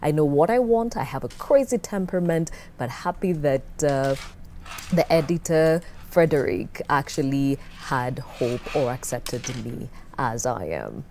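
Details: Adult speaker; typical speech.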